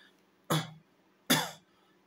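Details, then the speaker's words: Adult demonstrating a cough exercise for children with speech delay or stammering: two deliberate, sharp voluntary coughs working the voice box (laryngeal) muscles, suggested for children with laryngeal weakness. "कफ करने की exercise करवाना बच्चे से कब की exercise बहुत जरूरी है क्योंकि लेजर मसल्स जो हैं वो इसमें layerings ये जो वॉइस बॉक्स है हमारा इसके मसल्स इस्तेमाल हो रहे हैं"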